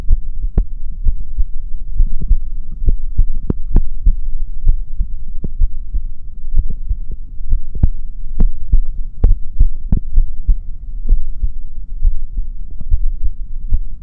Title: my heartbeat sound